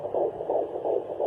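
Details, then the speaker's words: Home fetal Doppler with ultrasound gel: rapid, regular whooshing fetal heartbeat, about 170 beats a minute, described as pretty fast; signal lost when the probe moved, then found again. "You can tell it's it because it's. Woo, woo, woo, woo, woof. It's pretty fast."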